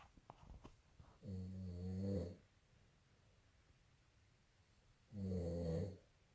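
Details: Two loud, low, rattling snores about four seconds apart from a sleeping man, quiet breathing between; ordinary snoring.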